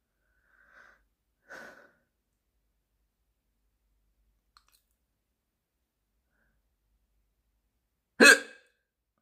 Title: After I awoke for a glass of water at 02:00 in the morning, I got rewarded with hiccups!